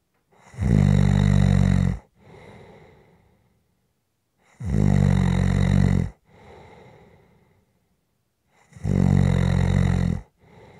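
Loud, deep, buzzing snores on each in-breath with softer out-breaths between, about 14 breaths a minute.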